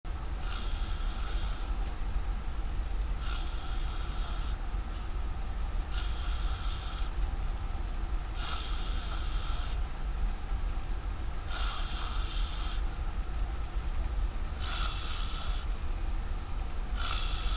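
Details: Overweight man asleep on a ferry: regular hissing, whistling breaths about every 3 seconds, roughly 20 a minute, over a steady low rumble of room noise; snoring.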